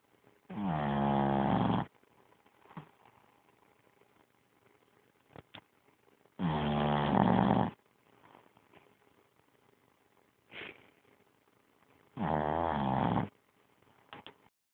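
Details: Loud, rattling snores at about five per minute, with quiet pauses between, from a sleeping Boston terrier: snoring.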